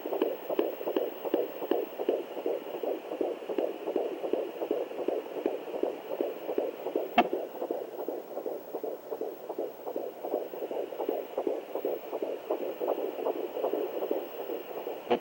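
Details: Fast, rhythmic whooshing pulses of a fetal heartbeat picked up by a handheld Sonoline B fetal Doppler, with a single probe click.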